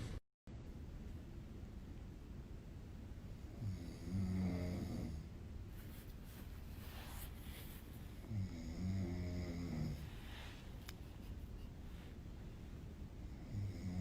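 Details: Man snoring during sleep, filmed at night: two low, fluttering snores over a steady background hum.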